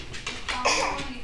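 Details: Dog with kennel cough gives a short run of harsh, dry cough bursts.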